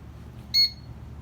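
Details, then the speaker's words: A single short high-pitched beep over a low mechanical hum as a Servo-i ICU ventilator powers on after the rear power switch is toggled. "toggle this little switch over that point the ventilator will start turning on"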